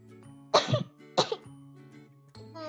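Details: Two short, sharp coughs from an Indonesian VTuber during her first livestream, over soft background music.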